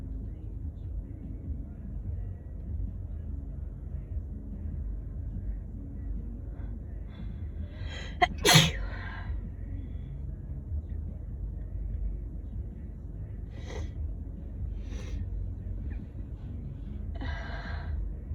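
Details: Sneeze from an adult on day 3 or 4 of a head cold with constant sneezing, coughing and nose-blowing: a brief indrawn breath, a single forceful sneeze, then soft sniffles.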